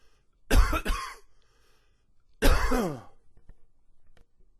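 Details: Old recording of a long, wheezy cough with a few gags: two harsh, low coughing bursts with a drawn-out, rasping tail on the second, then quiet.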